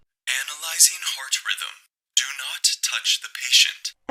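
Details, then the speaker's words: Recorded AED voice prompt announcing heart rhythm analysis and warning not to touch the adult patient, after pads are placed on bare chest during hands-only CPR. "walang humahawak sa tao i-analyze ng AED ang heart rhythm"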